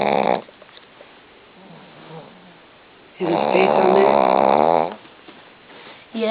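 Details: Bear, a male worn out and sleeping after surgery: loud, long, rattling snores about three seconds apart with quiet breathing between.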